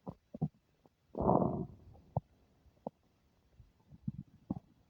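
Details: Stomach making unfamiliar noises: soft gurgles and pops with one longer rumbling gurgle; bowel sounds.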